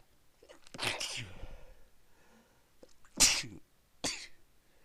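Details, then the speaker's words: Three sneezes in a row from a person who has been sneezing all day and cannot stop, each a sharp explosive burst after a quick intake of breath; a bout of repeated sneezing. "Oh man, I can't stop sneezing. Sneezing."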